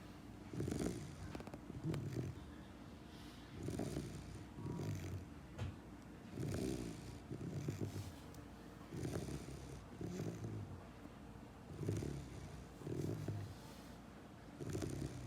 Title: 10 weeks old German Shepherd snoring out loud!